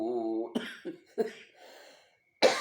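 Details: Person reciting the Quran during Ramadan chokes and breaks off into about three sharp, harsh coughs.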